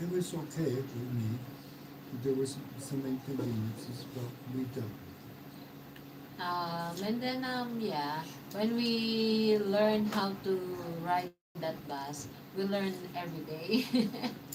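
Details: Aphasia after mild stroke in a man 115 days into self-therapy; restarts his sentence with hesitations.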